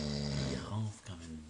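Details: Adult man snoring about 30 seconds after lying down, keeping roommates awake: a deep, rattling, buzzing, loud vibrating snore during sleep; ordinary heavy snoring.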